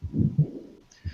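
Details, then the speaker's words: Grade 5 heart murmur, a very intense murmur audible with the stethoscope placed perpendicular to the chest; heart murmur. "un soplo grado 5 es un soplo muy intenso complemento que se logra escuchar con el estetoscopio perpendicular auto al tórax"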